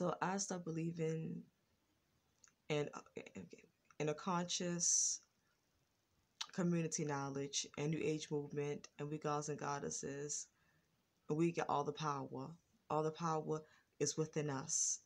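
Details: Adult woman with a lifelong stutter, worse in earlier years and now more controlled; stuttering.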